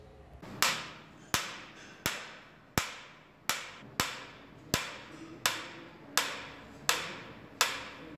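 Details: Sharp, hammer-like cracks, about 80 a minute, each fading quickly: shock waves fired by a Spark EM electromagnetic ESWL lithotripter, shown in a product demonstration of how quietly it runs.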